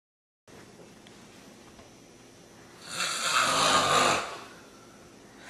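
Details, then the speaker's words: An adult snorer: quiet room hiss, then a single loud, rough, rattling inhaled snore lasting over a second before fading back to quiet. Snoring. "What are you doing? You're snoring like a banshee."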